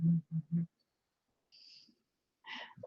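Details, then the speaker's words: Three quick, low snorting grunts from a sleeping dog lying beside its owner, snoring and twitching, then faint rustling and handling noise; dog snoring. "all snoring and twitching away at my side so sorry if you can hear hear snoring things"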